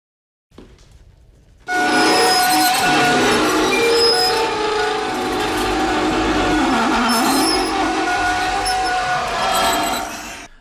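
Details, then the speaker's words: Simulated tinnitus: a movie audio clip said to closely match severe, constant tinnitus at its worst. Loud, dense layered ringing and hissing with shifting piercing tones. "Now I'm going to play an audio clip from a movie that I found to be very similar to the sound of constant tinnitus that I heard at my worst."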